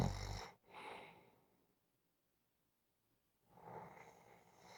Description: 5 minute clip of snoring. Just for Fun to rewind, relax